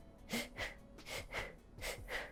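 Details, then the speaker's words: Simulated: an adult imitates an infant's fast, jerky, spasm-like chest breathing in bronchiolitis with respiratory distress, about three quick in-out cycles in two seconds, with subcostal retraction described. "ou menos esse movimento é uma coisa mais rápida como se fosse em espasmo e a gente vê afundar a região aqui embaixo das costelinhas"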